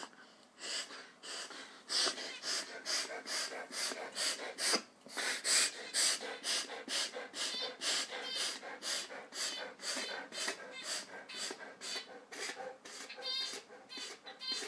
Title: Dog doing reverse sneeze